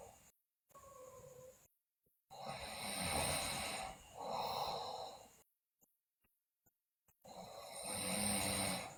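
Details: Sleeping girl snoring loudly, with bruxism and delirium noted: loud, rough, rattling noisy breaths repeating in several cycles with brief pauses between them.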